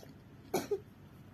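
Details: A single short, moist-sounding cough from a sick child who also has a stomach ache, with a brief trailing second sound, in a quiet room.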